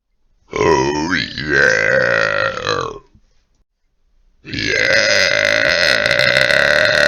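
Two long, loud, voiced belches separated by a brief pause; deliberate or forceful burping.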